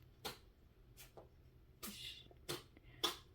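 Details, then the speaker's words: A female shelter cat with chronic coryza, vaccinated yearly, during a mild flare gives repeated short, snuffly nasal snorts and sniffles: feline upper respiratory infection with nasal congestion. "je ne sais pas si vous les entendez, c'est mon chat qui a une petite poussée de coryza. Comme c'est un chat de SPA, bah forcément, elle a un coryza chronique, hein."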